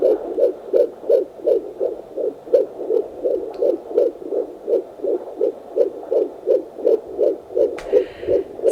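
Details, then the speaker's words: Fetal heartbeat at 16 weeks of pregnancy in a 41-year-old mother, picked up straight away with a handheld Doppler: rapid, regular whooshing pulses at about 165 beats a minute. "she did say to me sometimes it can be quite hard to find it but she put the I don't know what it's called is it called a Doppler I'm not sure anyway she put that on me and straight away picked up the heartbeat and it was lovely and this is it"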